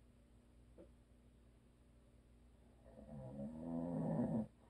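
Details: After a quiet pause, one loud, rough, rumbling breath builds for over a second, then cuts off sharply: a single snore from a sleeping adult husband.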